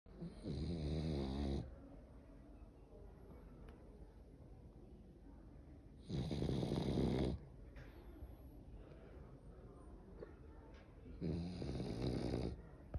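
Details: 3-month-old boxer puppy snoring loudly while asleep: three loud, low, rumbling snores about every five seconds with quiet breathing between them; snoring.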